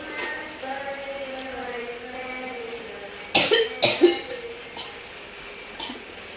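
Two or three harsh coughing bursts with retching, gagging sounds between them, over faint background music.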